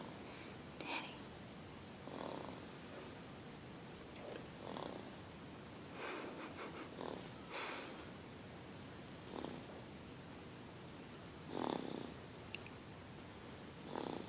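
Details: Sleeping baby boy: soft, irregular snorting breaths at roughly 15 a minute; infant snoring.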